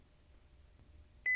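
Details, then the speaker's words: Philips HeartStart OnSite AED demonstration: pads pressed onto the patient's bare skin, then a sudden steady high-pitched alert beep as the AED starts analysing the heart rhythm and no one should touch the patient; shock advised follows. "as soon as the pads are in place the AED will immediately start to evaluate the heart rhythm no one should touch the patient"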